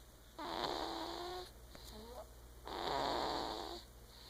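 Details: Person snoring: two long, rough, fluttering breaths with a quieter breath between, over steady room hum.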